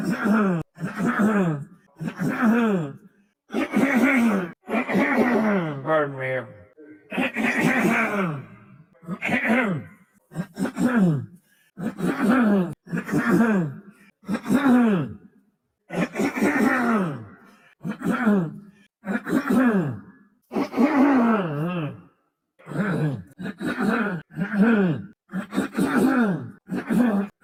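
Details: Man who has been coughing and clearing his throat a lot lately, clips collected from one show; repeated short voiced coughs and throat clearing in quick separate bursts.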